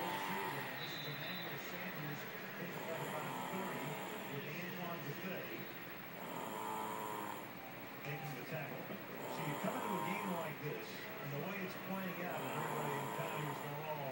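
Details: Man who fell asleep while watching a football game: rough, fluttering breaths about every three seconds, near 20 a minute, over steady room noise; snoring.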